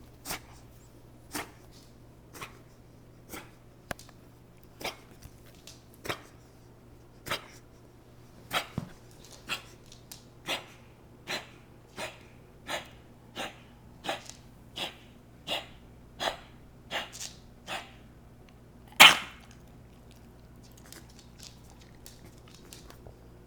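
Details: Beagle with bronchitis, about two days into treatment with antibiotics and antihistamines: a long run of short, harsh hacking coughs and wheezing, then one louder burst.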